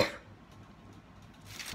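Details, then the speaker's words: Woman who says she is unwell, recorded at home: a cough. "you can probably hear by that cough, I'm not well at all."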